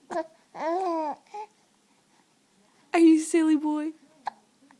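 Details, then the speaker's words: Hiccups in a baby boy: babbling and cooing with short, abrupt catch sounds between vocalizations, while an adult talks to him and he smiles. "you say ah good boy you say ah poor hiccups ah you say gah you see the camera can you smile for the camera ah can you smile say cheese smile hayden poor baby has the hiccups huh are you so cute bye bye bye"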